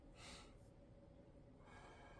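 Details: Stethoscope auscultation of an adult male patient's posterior chest while he sits up: normal breath sounds.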